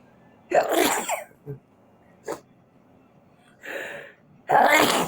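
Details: An adult sneezes loudly, gives small catches and an in-breath, then sneezes loudly again, and afterwards says they feel very itchy; two sneezes.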